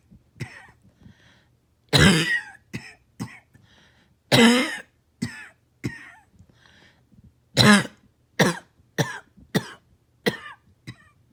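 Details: Coughing on a rough night into morning, bouts of about a dozen harsh explosive coughs, three loud and forceful; barking cough.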